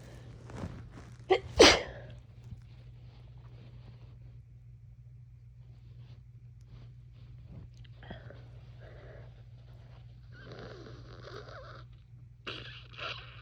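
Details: Two quick sneezes, a small one then a louder burst, followed by quiet sniffling, from a person with a cold and heavy nasal congestion.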